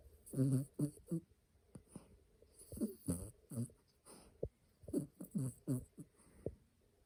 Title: Luna 😴 snoring. Maltipoo